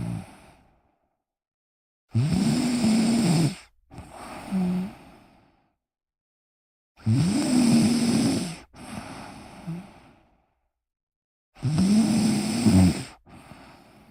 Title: my cousin snoring soothingly